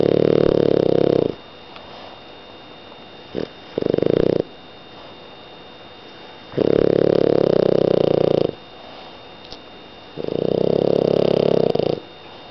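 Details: Loud, rough rattling snores, about 1.5 seconds each with quiet gaps, from a sleeping French bulldog; snoring.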